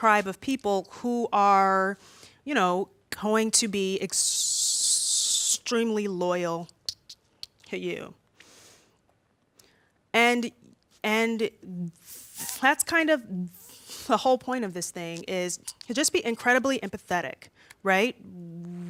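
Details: Adult woman who says she stutters much more when nervous speaking in front of an audience: stuttering.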